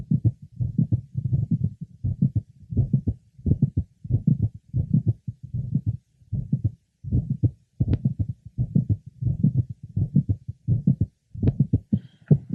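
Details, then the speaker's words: Apex of a woman with mitral valve prolapse and straight back; several early to mid systolic clicks without systolic murmur, clicks varying with respiration. "listening at the Apex and several early to mid systolic clicks are heard systolic clicks therefore can be multiple without a systolic murmur and generally are heard in mid to late syy"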